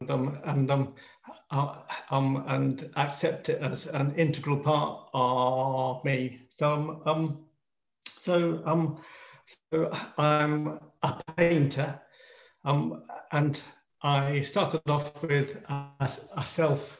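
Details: Stammering in an adult man in his 50s.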